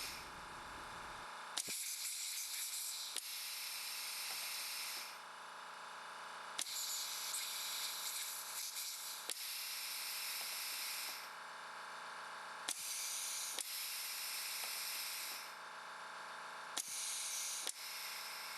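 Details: Steady hiss of compressed gas broken by sharp valve clicks every few seconds; a low-cost, pneumatic-only ventilator concept prototype with three valves, needle-valve timing and no electronics, switching through its strokes.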